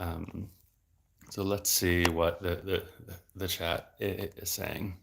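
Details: Adult male speech-language pathologist who has stuttered since about age eight and had speech therapy until his early 20s; part-word and word repetitions are heard; stuttering.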